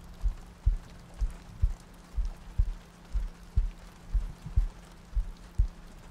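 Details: ASMR sleep-aid soundscape looping heartbeats, soft breathing and rain ambience: soft, low paired thumps at about 62 a minute under a faint rain-like hiss, a heartbeat.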